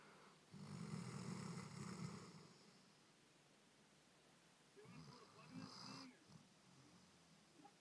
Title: Broh snoring